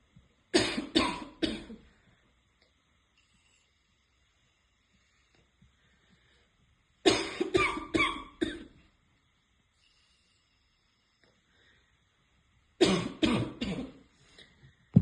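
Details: Girl who is smoking has a barking cough: three short fits of harsh, deep coughs, about ten coughs in all, separated by quiet pauses.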